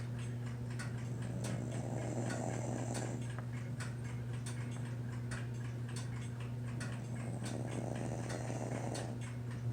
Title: otis snoring